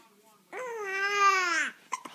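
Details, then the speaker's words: A fussy infant with hiccups, being talked to by dad, gives a single sustained tonal wail of about a second followed by short vocal sounds; fussy crying. "Oh, that was kind of whiny. That was really whiny. Oh, you're getting mad."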